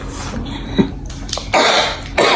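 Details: Two harsh, forceful cough bursts from an adult nanny described as sick with a persistent cough, in a small indoor room, the second cut off at the end; cough.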